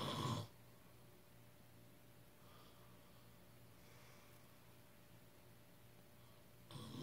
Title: Snoring sound effects